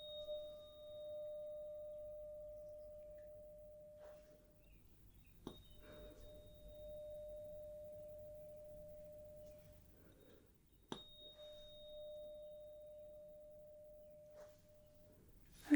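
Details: Simulated medical exam (ASMR role-play) hearing test: struck tuning fork tone presented to the left or right ear to check side heard.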